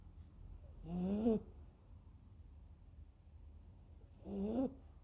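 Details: 12-week-old puppy snoring during sleep: two short, rising, whistly-groaning breath sounds about three seconds apart in a quiet room.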